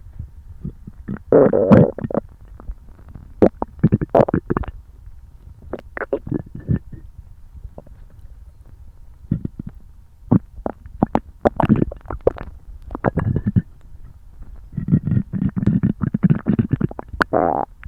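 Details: Repeated loud gurgling and squelching stomach rumbles in bursts, recorded after eating a meal for the first time in a while: borborygmi, normal active bowel sounds.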